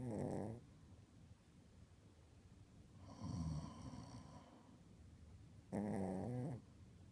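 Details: Pomeranian snores after her owner each time: three rough, rattling snores about two to three seconds apart, alternating between person and dog, in a quiet room: snoring.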